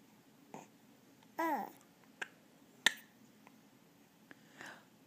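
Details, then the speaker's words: Two-month-old infant with hiccups: brief sharp clicking hiccups mixed with soft baby vocal sounds in a quiet room; hiccups. "Do you get the hiccups? Do you get the hiccups?"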